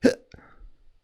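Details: An imitated hiccup made by a teacher during an English lesson on sounds the body makes; hiccup (imitated).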